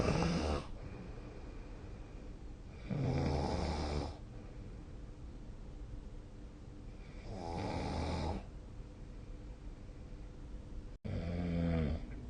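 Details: Ordinary heavy sleep snoring: deep, rattling snores on breaths in, about three in twelve seconds, with quieter breathing between.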